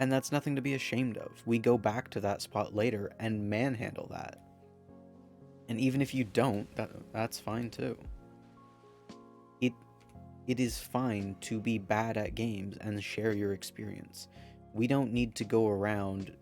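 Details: Man who says his stutter is part of him; stuttering.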